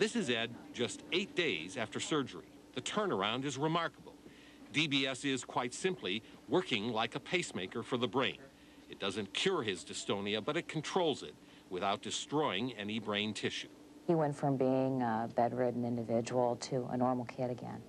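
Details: Adult male narrator; normal speech.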